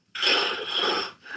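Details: Snoring with breathing pauses, suspected obstructive sleep apnea, contrasted with simple snoring: recovery breath after an apnea.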